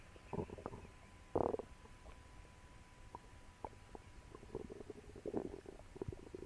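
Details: Repeated gurgling and rumbling stomach noises, recorded after eating a meal for the first time in a while: borborygmi, normal loud bowel sounds.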